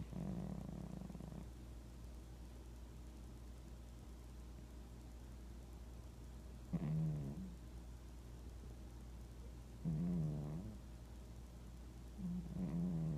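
Soft, low, rattling snores from a sleeping cat, a few seconds apart, over steady background hum: gentle snoring.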